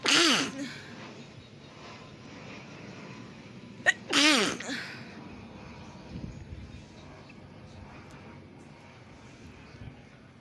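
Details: Sneezing during a head cold after getting soaked in rain: two loud, explosive sneezes about four seconds apart with quiet breathing between.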